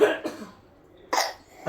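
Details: Baby with an ongoing cough: two short, soft infant coughs with a brief pause between them; cough.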